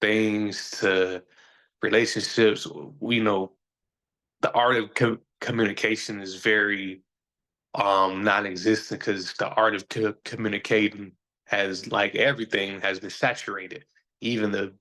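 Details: Adult man who says he stutters, is still sometimes a little insecure about it and years ago felt he had to hide it; stuttering.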